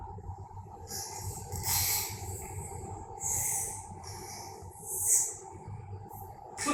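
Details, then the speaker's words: 2-year-old child with adenotonsillar hypertrophy snoring (stertor) both sitting and sleeping; clear-cut obstructive sleep apnea picture that warrants surgery. "This child has got snoring sitting and sleeping."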